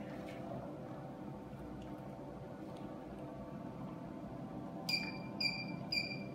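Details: Nd:YAG picosecond tattoo-removal laser firing on skin at 1064/532 nm, energy 200–300, frequency 1, until the skin whitens: three sharp, high snapping pulses about half a second apart over low room hum.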